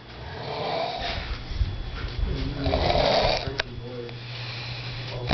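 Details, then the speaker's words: A sleeping adult man snoring loudly at about 5:20 a.m., described as louder than others in the room: rough, rumbling snoring over a low steady background hum and faint room noise. "Oh my God He's even louder than me He's even louder than Mark"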